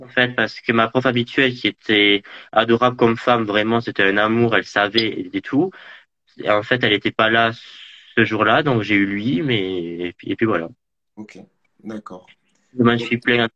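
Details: Adult male who stutters, a student residence animator, interviewed in French; stuttering.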